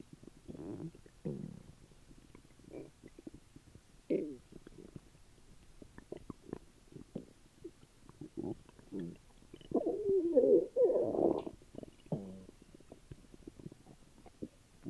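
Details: Frequent gurgling, bubbling abdominal rumbles with a few louder squeaky gurgles after dinner; ordinary bowel sounds (borborygmi), old recording.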